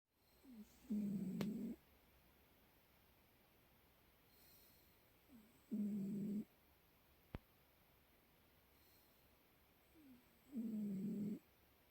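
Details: Soft, regular snores about 12 a minute, each a short buzzing breath in with quiet pauses between, from a sleeping cat; snoring.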